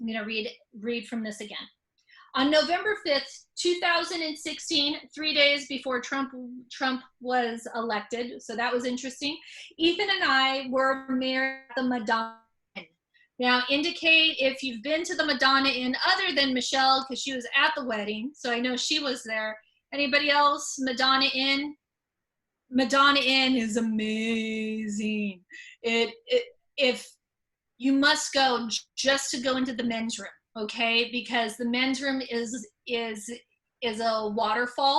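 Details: Stuttering, mostly repetitions and sometimes blocks, in an adult woman who stutters, speaking spontaneously.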